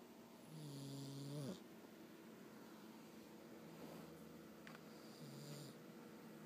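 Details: Female cat snoring while asleep; a soft, low, tonal rumble on a breath, fading into quieter low hums.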